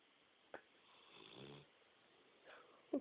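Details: A single rattling, buzzing snore on a breath in, between soft snorts, in a quiet room; snoring.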